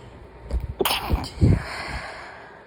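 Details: A sharp, hissing sneeze burst followed by a couple of lower, softer explosive breaths against room noise; a small random sneeze from a compilation.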